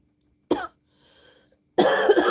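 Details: Coughing fit from an adult woman with bronchitis who is taking amoxicillin and using an inhaler; cough in bronchitis.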